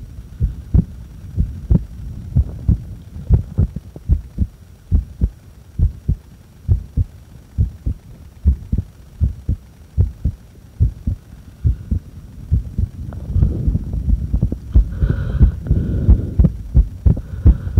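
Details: Clear low heart thumps at about 90 beats a minute during breath-holds taken after inhaling and after exhaling, with breathing noise returning near the end; heart sounds during breath-holding.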